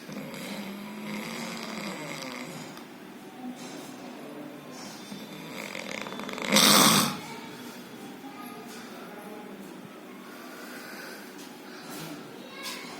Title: High snore